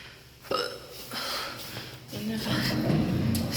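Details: Adult feeling drunk and tired at 3 a.m. after a birthday party, talking: a few abrupt hiccup jolts break up the voice over a few seconds; hiccups.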